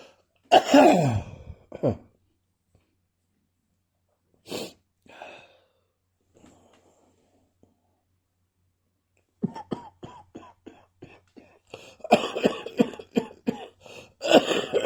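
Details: An adult with a continuing post-viral cough gives scattered single coughs, then a long run of short, rapid hacking coughs.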